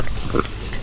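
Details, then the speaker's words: Aseel rooster with heavy phlegm, foaming eyes and a boiling-sounding throat, being treated with an antibacterial: a short, low, gurgling grunt-like sound; a respiratory rattle from phlegm in the throat. "Yung kanyang mata tap kumukulo yung tunog niya na grabe ung pla niya"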